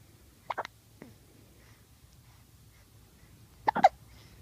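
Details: 2-day-old newborn with hiccups: two short, sharp gulping bursts about three seconds apart in a quiet room.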